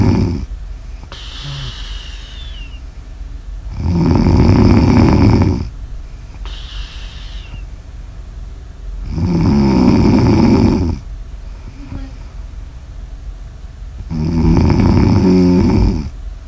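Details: Three loud, rough snores on breathing in, separated by quieter breaths, about 11 breaths a minute; snoring recorded for ASMR.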